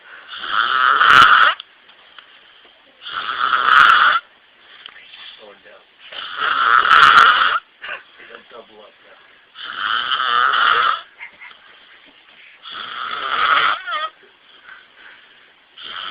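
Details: Sleeping man giving loud, rasping snores on breathing in, about every three seconds, roughly 20 a minute, with soft breath sounds between; heavy snoring.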